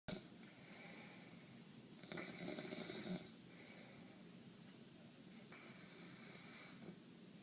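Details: Man with sinus congestion every night causing breathing problems, asleep: rough, fluttering snores on the breaths in, one louder than the rest, soft breathing between. Snoring.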